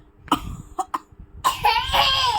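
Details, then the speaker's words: Child asked to cough on request gives three short, deliberate coughs, then a drawn-out voiced sound. Voluntary cough. "खांसी कर दे, खांसी। खांसी कैसे करते हैं?"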